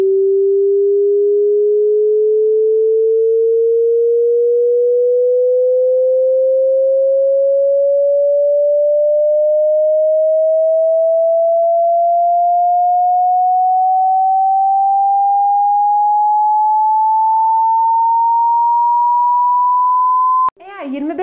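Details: Hearing test sweep tone: a steady pure tone rising slowly in pitch from low-mid to mid range, played to check which frequency ranges can be heard.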